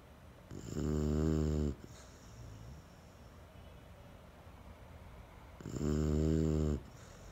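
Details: A sleeping English Bulldog gives two loud, rattling snores about five seconds apart, each about a second long, with quiet breathing between; ordinary sleep snoring.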